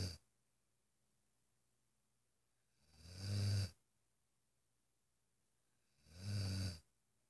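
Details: Devlin, a relaxed Irish Wolfhound dog: low rumbling snores with each breath, about three in seven seconds with quiet pauses, slow breathing rate; snoring.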